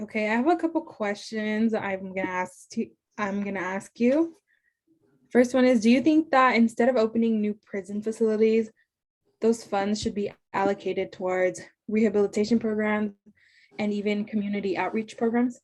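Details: Adult woman, interviewer; Fluent speech.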